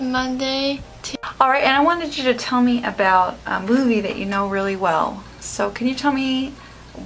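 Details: Adult woman (therapist) speaking; Normal speech.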